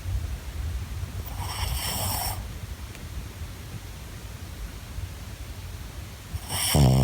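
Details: Tired dog snoring: low rumbling breathing noise with a rougher inhaled burst near the start, partly masked by steady low background rumble.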